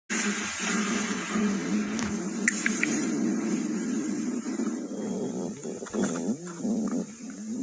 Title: Stomach Growling